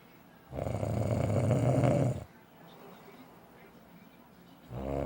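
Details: A husband who snores loudly every night: a deep, loud rumbling snore lasting nearly two seconds, then a quiet pause before the next one; heavy snoring during sleep.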